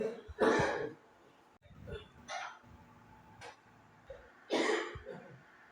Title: 130a5724 manoy coughing